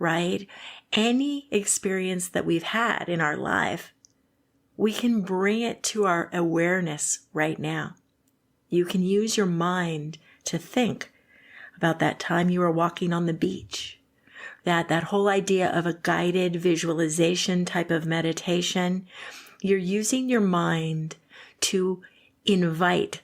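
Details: Adult woman speaking; typical speech.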